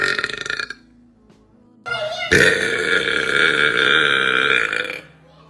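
A short burp, a pause, then a long loud voiced belch lasting about three seconds.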